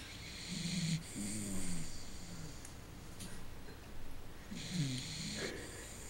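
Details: A sleeping dachshund gives two loud, low, vibrating snores with rising and falling pitch and an airy hiss between them: heavy snoring.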